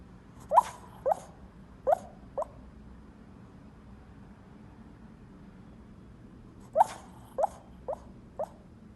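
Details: Sleeping puppy snoring: two clusters of four soft, high, squeaky pips about six seconds apart, like raindrops, one per snoring breath.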